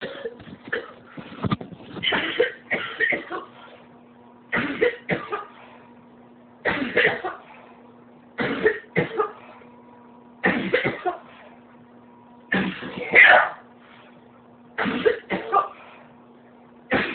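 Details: Coughing repeatedly all day, harsh bouts in short clusters recurring every couple of seconds, "coughing up a lung"; persistent cough.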